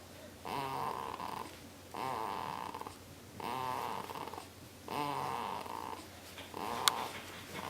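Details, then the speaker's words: Regular snoring noises with each breath, about 39 a minute, from a sleeping child (a 2-week-old or 2-year-old); ordinary snoring. "Is making funny noises sleeping? Want to sit down here? Is she making funny noises?"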